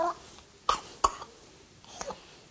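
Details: Infant coughs during chest physiotherapy airway clearance, with a hand holding the thorax and pressing the ribs down and in on exhalation; infant cough.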